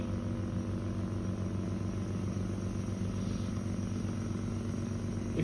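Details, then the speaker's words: Steady low motor drone of a Yuwell 7E-A portable phlegm suction machine running with the tube blocked by a finger while vacuum is reduced via the pressure regulator. "You can see whenever you will block the way of suction, it will increase the suction. You can see my finger is sucked inside of this tube."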